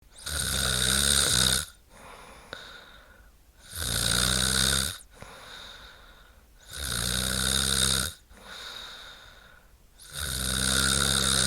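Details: A woman snores in a sound-effect recording: loud, rattling snores on each in-breath, about 18 a minute, with quieter breathing out between them.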